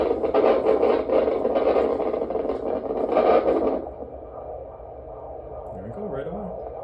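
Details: Fetal heartbeat on Doppler at a 35-week pregnancy appointment: rapid, rhythmic whooshing pulses at about 149-152 beats a minute, judged totally normal and healthy.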